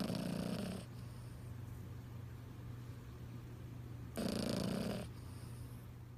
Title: Snoring 😴 😂